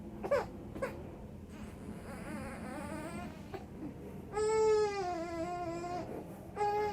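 An infant whimpers, then gives longer rising and falling cries over steady room noise; an ordinary baby cry.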